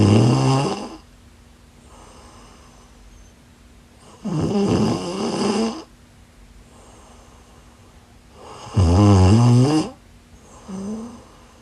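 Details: Snoring during sleep: loud, low, rattling snores on three in-breaths, about 14 a minute, with quiet out-breaths between them.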